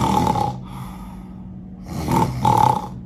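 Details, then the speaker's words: Imitated snoring of an obstructive sleep apnoea patient, typically an obese, short-necked adult as reported by the partner: loud, rough snoring bursts separated by a silent pause where breathing stops, then resumes suddenly. "এবার আপনি তার পার্টনারকে জিজ্ঞেস করবেন, আচ্ছা উনি কি নাক ডাকেন? 99.9% বলবে হ্যাঁ নাক ডাকে। এবার আমি না তাদের নাক ডাকাটা একটু শোনাই যে কিভাবে নাক ডাকেন।"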